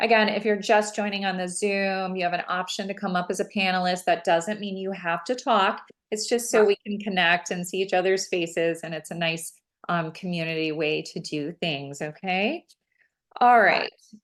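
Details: Adult woman speaking; normal voice.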